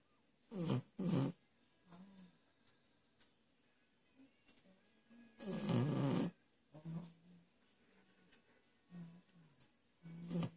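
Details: The family's youngest member snoring surprisingly much: irregular snorting, rattling breaths with short nasal whistles between them, in a quiet room; snoring.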